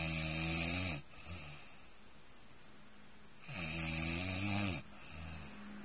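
Two loud, rough, buzzing snores on breathing in, each about a second long, with quieter breathing between them. Ordinary snoring.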